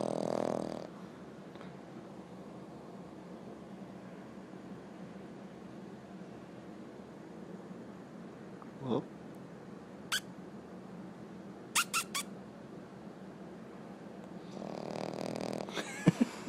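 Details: Sleeping female French bulldog puppy: rough, rattling snores at the start and end with quiet breathing between and a few small clicks in a quiet room; snoring.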